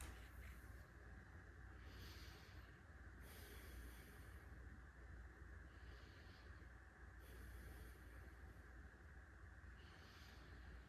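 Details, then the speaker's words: Female patient during a physical assessment, heard through a stethoscope: soft, even breaths with no crackles or wheeze and normal depth, effort and equal expansion; clear, normal breath sounds. "Her lungs are clear. There are no crackly sounds, and her depth and effort seem fine."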